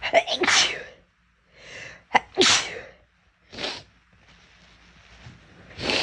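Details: Girl sneezing: a run of sharp, breathy sneezes with quick intakes of breath between them in a quiet room.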